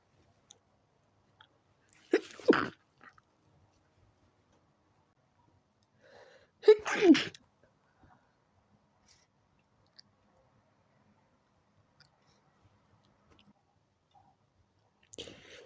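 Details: Three sharp sneezes several seconds apart in a quiet room, from a person in bed trying to sleep early whose fit began after turning onto the other side; repeated sneezing.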